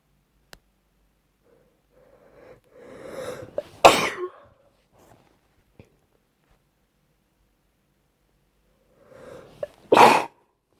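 Two sneezes, each with a rising breathy intake before a sharp explosive burst; sneezing with a cold.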